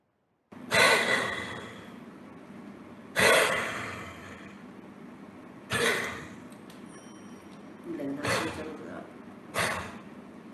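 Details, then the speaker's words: Five short, harsh, throat-clearing-like coughs from a dog, presented in a veterinary clinical teaching session as a respiratory, not cardiac, cough. "all right but this one for this dog was also a respiratory cough okay"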